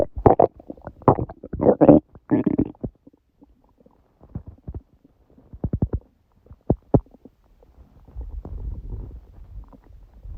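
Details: Stomach growling recorded at 1:30 am, about six hours after eating too much udon, owner suspects reaction to gluten after a long break; loud gurgling and creaking bowel sounds in bursts, quieter rumbles between.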